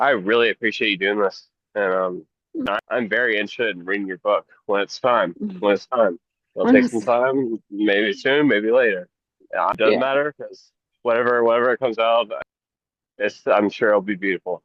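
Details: Adult male speaker; Normal conversational speech.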